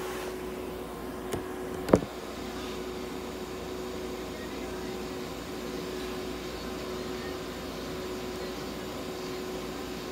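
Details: Veterinary ICU incubator running during a budgerigar's treatment with warming, humidification and oxygen therapy: steady mechanical hum, faint constant tone, two brief clicks near the start.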